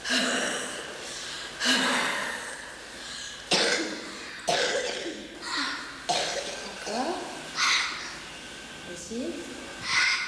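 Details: Productive cough in a cystic fibrosis patient during respiratory physiotherapy (airway clearance) session.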